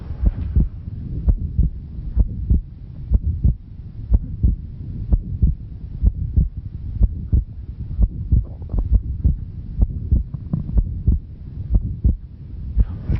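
Regular low heart sounds at about 62 beats a minute, a teaching example of left ventricular hypertrophy.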